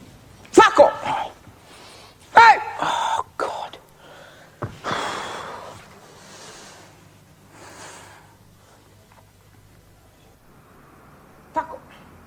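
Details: Tourette syndrome, recorded in a quiet library; vocal tics with coprolalia, including outbursts of swearing.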